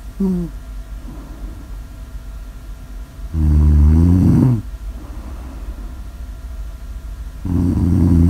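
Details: Loud, low, rattling snores at about 15 a minute with quieter breathing between them; ordinary snoring in a snore-audio ASMR recording.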